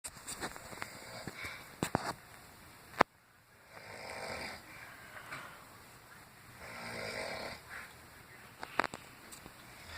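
Two slow, rough, rumbling breath sounds about three seconds apart with scattered clicks and room noise, consistent with snoring.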